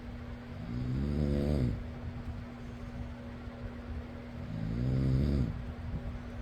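Two long, rattling snores, each lasting about a second, against the steady hum of a fan.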